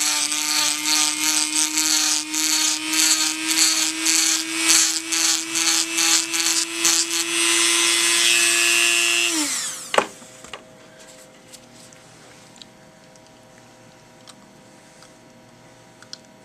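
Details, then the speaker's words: Dental handpiece trimming an acrylic Gelb/ALF mouthpiece at delivery for a 29-year-old patient with 40 tics; the left side hit harder and sooner on tapping. High steady whine with rhythmic grinding bursts, then the motor spins down. "you can see the left side hits much harder and sooner than the right side and so we're just going to trim that down"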